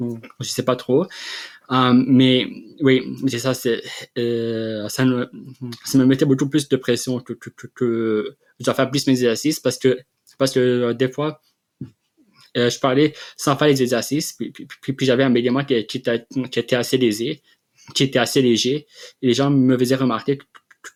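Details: Adult man who has stuttered since childhood and has had speech therapy, speaking French in an interview; stuttering.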